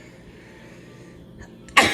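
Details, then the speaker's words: Adult who says shots make him stuffy and nasal and give him sneeze attacks: quiet room noise, then a sudden loud, explosive sneeze at the very end. "These shots, I don't know what it is, but these shots make me stuffy, nasally, shit like that. One more for good measure. I get sneeze attacks."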